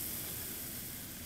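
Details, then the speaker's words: Short steady hiss of liquid nitrogen cryotherapy spray freezing a large, infected-looking finger wart, previously home-frozen three or four times, to include about a millimetre of normal tissue. "fairly big water and what we want to do is freeze the entire wort and about a millimeter of normal tissue"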